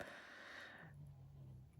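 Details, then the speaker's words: A dog snoring in the background while asleep. "Oh goodness, now the dog's snoring."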